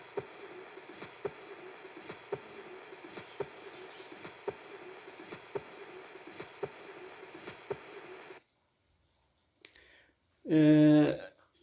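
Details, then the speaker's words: Aortic stenosis murmur: regular heartbeat about 56/min with a harsh rushing ejection systolic murmur between beats, heard at the second right intercostal space. "أن الأورتيك ستينوسز فهي تصنف من ضمن الإديوكيشن سايستوليك مرمر، يعني هي من ضمن السايستول إديوكيشن سايستوليك مرمر."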